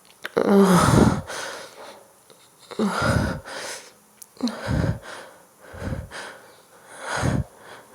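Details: Female inducing sneezes: repeated forceful nasal snorts and sniffs with harsh breathy bursts, about five in eight seconds; snorting.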